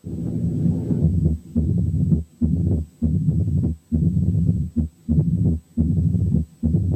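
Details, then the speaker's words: Mitral stenosis with atrial fibrillation heard at the mitral area with the stethoscope bell: a low, rumbling diastolic murmur with an irregularly irregular rhythm. "8 كانت حالة ماترال ستينوزيس واترال فيبريليشن."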